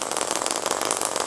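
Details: Rapid, steady mechanical buzzing pulses of a radial shockwave applicator (Swiss equipment) worked over the back during a short session treating spinal hernia, protrusion and osteochondrosis.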